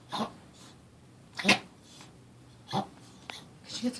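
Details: Yorkie, not choking, sitting and eating beforehand, gums checked: a run of sharp, harsh nasal snorts, suspected reverse sneezing.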